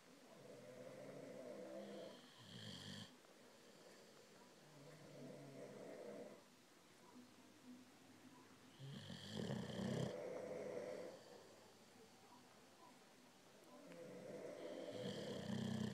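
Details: Two sleepers snoring in alternation, rhythmic rattling snores, each cycle about six seconds, roughly ten breaths a minute; ordinary snoring.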